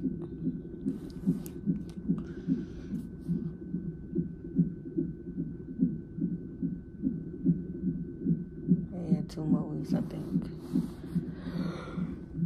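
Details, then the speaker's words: Fetal heartbeat on a hospital fetal monitor in labor and delivery triage at 34 weeks of pregnancy, with the mother in sharp pain and pressure and possible labor: rapid regular whooshing pulses about 146 a minute, described as very good and strong. "look at hear the heartbeat they got me on the [Music] monitor"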